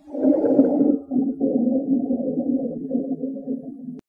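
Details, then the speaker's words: Low-pitched, continuous rumbling and bubbling chest sounds heard by stethoscope, given as an example of rhonchi in pneumonia. "the doctor will use the stethoscope to listen for certain sounds patients with pneumonia usually display sounds like crackling bubbling rumbling sounds"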